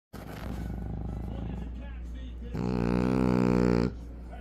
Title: When Your Frenchie Snores Louder Than You 😴 💤